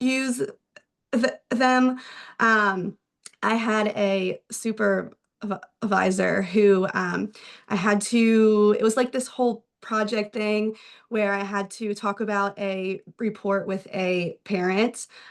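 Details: Adult male speech-language pathologist who stutters; stuttering with audible word repetitions.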